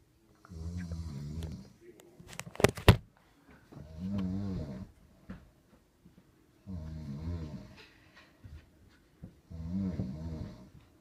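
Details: Human snoring jokingly likened to a hibernating bear: four loud, rattling snores at regular intervals with quiet gaps, a brief clatter early on.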